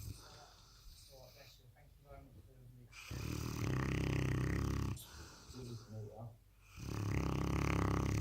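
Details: Presa Canario puppy: loud, rough, rumbling snores on each breath in, quieter fluttering out-breaths between; heavy puppy snoring.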